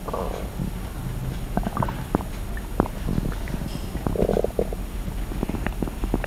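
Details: Stomach growling ASMR with slosh and crackle: low gurgling rumbles with sloshing and crackling pops from the abdomen; ordinary bowel sounds (borborygmi) from gas and fluid moving through the gut.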